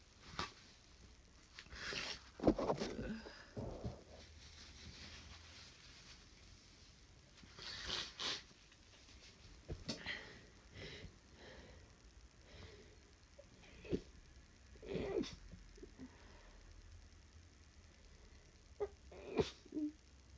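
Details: Person with flu, run down after about three hours' sleep in 24, recorded in real time: several soft, muffled sneezes with sniffs between them in a quiet room. They cannot sneeze at full force, so this is a stifled sneezing fit.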